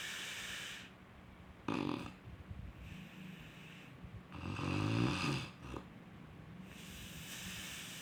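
Loud, rough snoring on breathing in, alternating with hissy breaths out, over steady background noise; typical sleep snoring.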